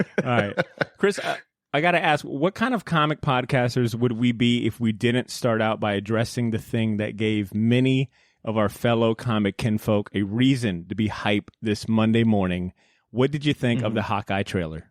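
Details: Adult man speaking; normal speech.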